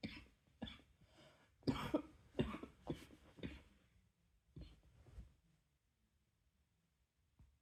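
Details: Night-time cough: a run of soft, dry coughs, around six bursts, in a quiet room, then fading to silence.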